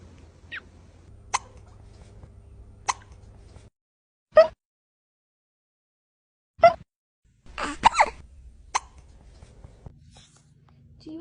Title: The hiccuping kitten melted my heart❤️ #foryou #cat #petlove #catlover #funny #funnyvideos #cats